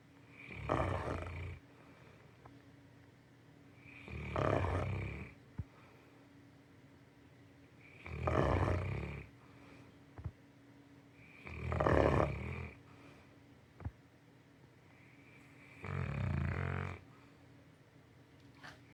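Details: Tired St. Bernard puppy asleep; deep, rattling snores about 16 a minute with quiet pauses between breaths. Snoring.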